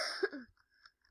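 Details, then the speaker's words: A single short, harsh cough burst with a brief follow-through and faint trailing sounds from a child who says they have a bad cough; cough. "Also, I have a bad cough. Just, sorry if that sounded nasty."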